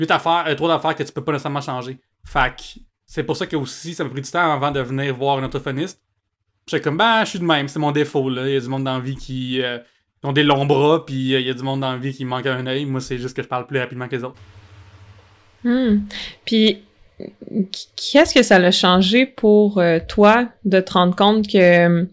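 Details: Adult male comedian and podcast host with cluttering, realized only in adulthood that speech therapy exists for it; cluttering, often confused with stuttering.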